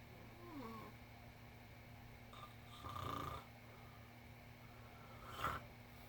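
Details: Sleeping cat snoring: soft, irregular snoring breaths with faint snorts over a low room hum.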